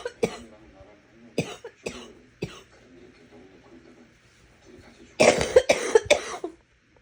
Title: Wet coughing